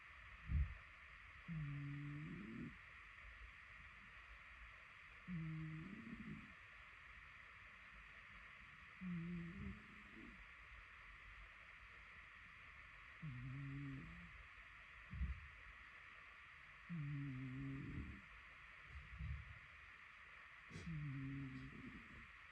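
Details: 47 seconds of a sleeping cat snoring quietly: soft, low rumbling snores at about 16 a minute over a steady background hiss; snoring.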